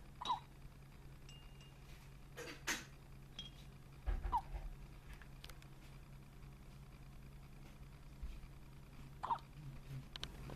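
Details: Newborn baby with hiccups: three brief, abrupt hiccups about four to five seconds apart over low room noise.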